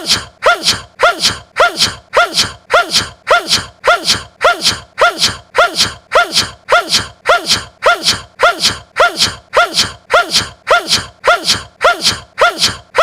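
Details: Jungwoo (NCT) sneeze, a short cute sneeze edited into a 10-minute loop repeating about 105 times a minute.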